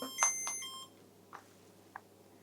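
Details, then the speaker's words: CADD Legacy Plus pump being set up for IV epoprostenol (Veletri): a few short electronic beeps as it powers on and completes self-tests, showing it is ready. "It will go through its own safety settings and it will beep a few times to let us know that it's happy for us to use it."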